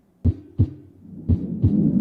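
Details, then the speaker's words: Simulated normal heart sounds in a VR paramedic training simulator: regular low lub-dub thumps at about 90 beats a minute, heard via virtual stethoscope on the chest of an unresponsive patient with track marks; instructor-adjustable. "as an instructor you can adjust these heart tones in these lung sounds"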